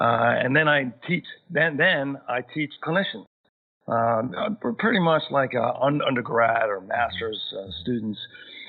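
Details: Aphasia in an adult male who had a massive stroke at age 41, initially left with global aphasia and still aphasic thirteen years later, needing extra time to process sentences and find words.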